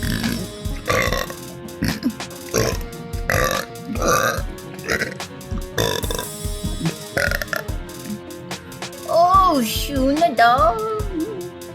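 A rapid run of about ten loud, throaty burps over background music, with brief vocal sounds at the end.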